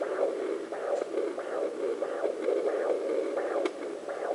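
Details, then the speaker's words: Rhythmic whooshing pulses, about 90 a minute over hiss, from a home fetal Doppler on the mother's lower abdomen: blood flow in the mother's artery, clearly different from the baby's heartbeat. "going back to where my artery is again you can hear that's completely different than babies"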